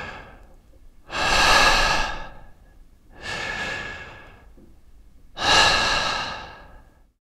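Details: Sound-effect library recording of human breathing and snoring: three slow, loud, airy breaths with a hoarse, rushing quality; noisy breathing.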